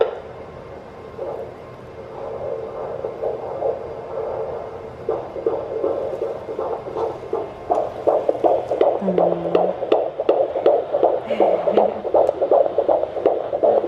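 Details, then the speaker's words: Handheld Doppler at a midwife appointment about a week before the 20-week scan; rapid, regular whooshing fetal heartbeat, about 160 a minute, with movement noise. Called strong and normal; a VSD was found at the later scan. "That's strong. So I'm going to turn it up a bit."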